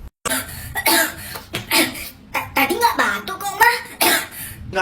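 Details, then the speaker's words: A child acting in a comedy skit gives a run of short, harsh, repeated coughs mixed with voiced throat sounds: simulated repeated coughing. "kan kamu batuk batuk tuh kan bener batuk"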